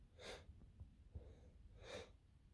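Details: Repeated sneezes with build-ups: two sharp, breathy sneeze bursts about one and a half seconds apart, with quieter breathing between, in a small room; sneezing.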